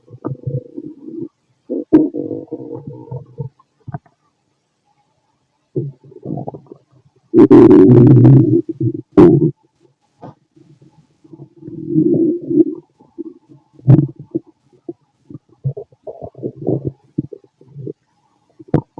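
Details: A fit adult male's stomach after lunch and a carton of milk, possibly recorded with a stethoscope: irregular low gurgles and rumbling bursts, normal bowel sounds (borborygmi).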